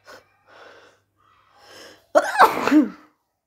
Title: Some Loud Sneezes!